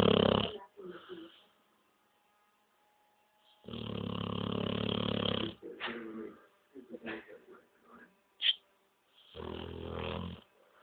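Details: Ca de Bou dog snoring heavily during sleep: loud, rough, rattling breaths in and out, with long buzzing stretches between quieter snorts; heavy dog snoring.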